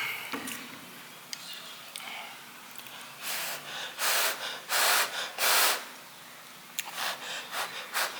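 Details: Hiccups during a mukbang eating session, recorded behind the scenes.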